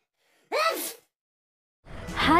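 A short, sharp intake of breath, then a second rising breathy burst: a gasp before a sneeze.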